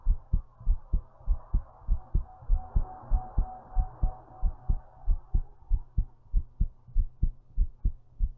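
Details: Strong, regular low thumps at about 97 per minute with a faint hum behind them, recorded while lying down: a forceful, thumpy heartbeat.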